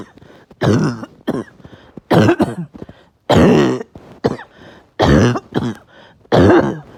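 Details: Uncontrollable, really bad barking night cough fit: about eight harsh, loud, hoarse bursts in quick succession with short gasping breaths between, knocking the wind out of them.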